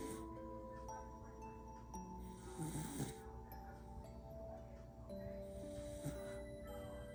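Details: Sleeping border collie snoring: two soft, rough snorting breaths about three seconds apart, under light chiming background music.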